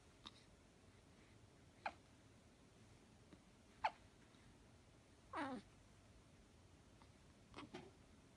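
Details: 3-week-old mixed twins, a girl and a boy, with infant hiccups: soft, brief gulping catches every one to two seconds in a quiet room, six in all.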